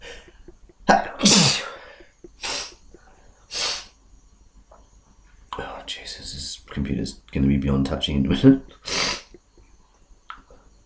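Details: Two loud, forceful, deliberately induced sneezes, each with a sharp inhaled lead-in, from a person with a cold, followed by a man's muffled talk and laughter.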